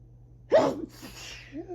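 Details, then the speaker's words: Early-morning (around 6am) allergic rhinitis sneezing fit during high grass pollen season: a short, sharp sneeze followed by a breathy exhale, part of a rapid fit that grew stronger and wetter. "Oh my goodness. Oh, rapid. Rapid. Oh, rapid sneezes."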